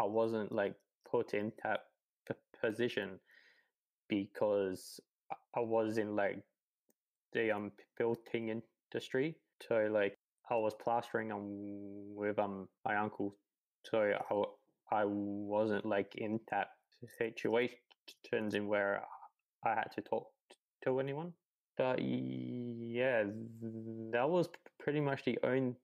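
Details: 28-year-old man who has stuttered his whole life, since about age three; repetitions and fillers; stuttering.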